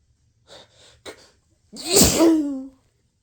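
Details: Pepper-triggered sneeze: a few quick catching inhales build up to one loud, forceful sneeze with a voiced tail.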